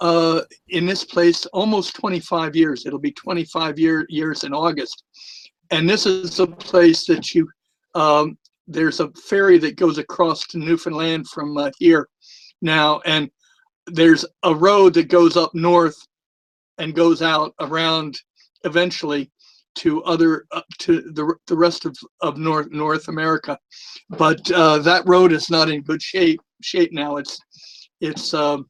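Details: Retired adult male former social worker with a speech impediment, a lisp and stuttering for years, more noticeable with the microphone close to his mouth; stuttering.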